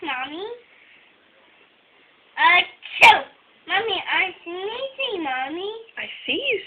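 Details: Young child saying "I sneeze" gives a sharp sneeze among playful vocal sounds and babble.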